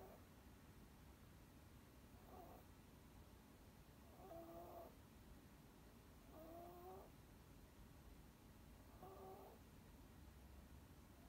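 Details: A sleeping cat snoring softly, with a faint whistling tone on breaths about every two seconds over a low steady rumble.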